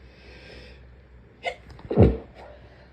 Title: Some covered sneezes ￼